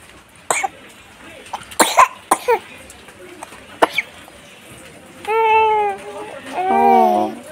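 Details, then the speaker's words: Infant who is unwell with a frequent, heavy cough in bad weather, being given medicine; several short, sharp coughs followed by fussy crying. Cough. "যেহেতু কাশিটা খুব হচ্ছে, তাই ভাবলাম যে অল্প হোম রেমেডিও করে দেখি।"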